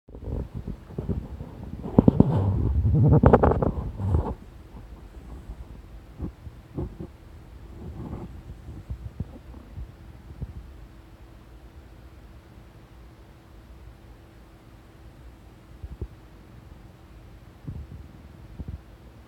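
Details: Stomach rumbling (borborygmi): low gurgling rumbles in a brief burst, then scattered soft bowel gurgles over quiet background hum.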